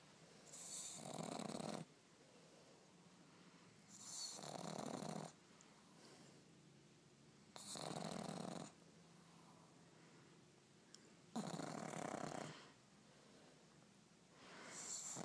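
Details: Pug napping in owner's arm, snoring: regular, loud rattling snores about every 3.5 seconds, roughly 17 a minute, with quiet pauses between.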